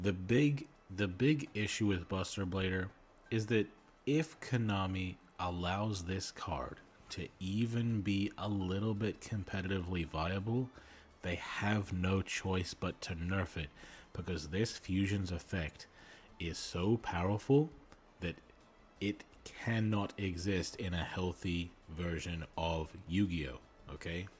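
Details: Male streamer who self-reports a speech impediment and stuttering; word repetitions heard; stuttering.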